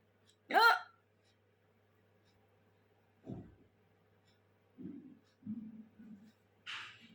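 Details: Hiccups during a hiccup challenge: a sharp voiced catch, then several short, abrupt gulping sounds separated by quiet pauses; hiccups.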